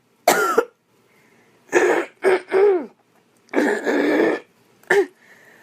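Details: Deliberately performed coughing by a girl: about six voiced coughs, singly and in pairs, with a throaty rasp.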